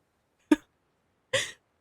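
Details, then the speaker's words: Streamer coughing during a live gaming stream, with mic settings just changed so coughs are picked up: two short, sharp coughs separated by silence. "Oh my god, I've got a cough. I'm so sorry, guys. Let me get my, like, thing up. I changed my mic settings, so now you can hear me cough all the time."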